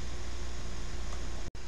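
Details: Salter AIRE Plus compressor running with Salter #8900 nebulizer during aerosol medication treatment (typically 6–8 minutes): steady low mechanical hum that cuts off abruptly near the end when the compressor is switched off; normal nebulizer compressor operation.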